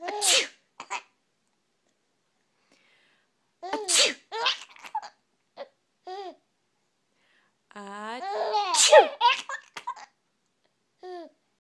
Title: Sneezes are funny